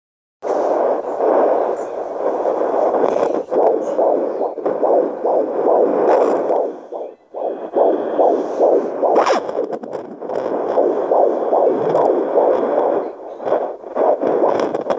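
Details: Home fetal Doppler: rapid, regular whooshing pulses at about 143 a minute, a normal fetal heartbeat.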